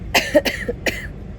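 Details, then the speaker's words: Pregnant woman at 24 weeks (fifth baby), ill since about 19 weeks with a gnarly cold and persistent cough leaving sore lips: three short, harsh cough bursts in quick succession, cough with a cold. "My lips are so sore cuz I've been coughing. I've been coughing and um I've had a really gnarly cold."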